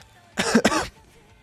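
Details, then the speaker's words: A single short, sharp double-burst cough in a quiet room from a person testing whether an AI can detect non-speech sounds; the AI responds "bless you." "bless you vetle thank go thank you vetle you succeeded AA I know crazy she she heard me cough what I have like ears"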